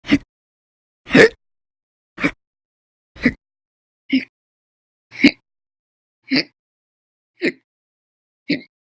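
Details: Nine short, sharp gulping bursts about a second apart, roughly 55 a minute, against silence; persistent violent, very loud hiccup episodes lasting hours, recorded November 2019; hiccups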